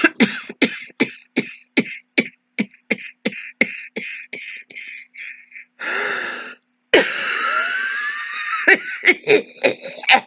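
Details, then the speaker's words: An adult actor simulates a long run of short, dry, hacking coughs without a break, demonstrating an ongoing cough that might be a sign of COVID; continuous hacking cough. "so we're talking about an ongoing cough a continuous clock well what is it well suzanne is here going to demonstrate now"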